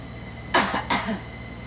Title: Girl coughing